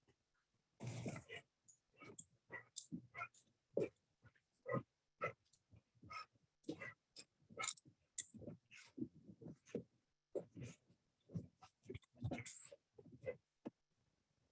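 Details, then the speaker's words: Inspiratory stridor in a dog with confirmed laryngeal paralysis: rapid harsh, raspy, grunting roaring breaths. "So you can hear sort of the roaring sound that Charlie's mom described. And interestingly enough, in horses that exhibit this behavior or this condition are called roarers."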